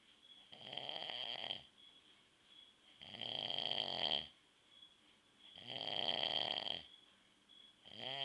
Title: dad snoring (4)